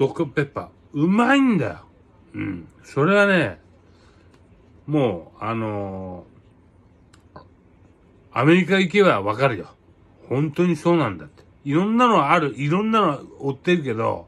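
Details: Speaker with aphasia and hemiparesis after a cerebral hemorrhage, with distorted words in casual speech; aphasia.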